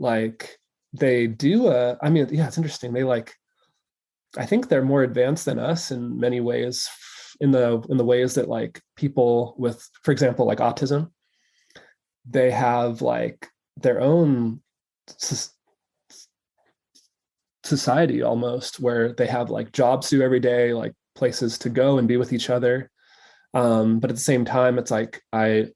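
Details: Adult male who says he stutters, real not acted, recording left unedited so disfluencies are kept; stuttering.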